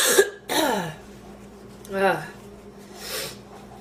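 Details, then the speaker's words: Strained, harsh coughs with gasping breaths between them; a woman's coughing fit after inhaling part of a sandwich, leaving her lightheaded and feeling food in her lungs. "ugh uh oh i was just eating a sandwich and i inhaled part of it i thought i was gonna choke to death"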